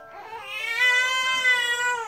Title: Tummy time is crying time @ 1 month old baby